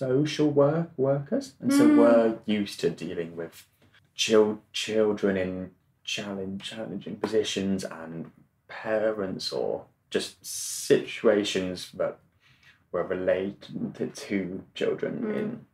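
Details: Adult male, 26, who has stammered since childhood; stuttering.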